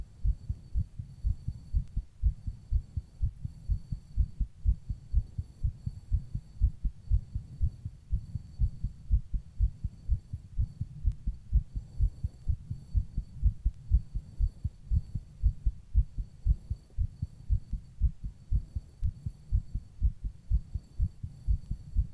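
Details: Adult's own heartbeat recorded while rebreathing into a plastic bag: steady, regular low heart thumps over a faint background hum. Heartbeat.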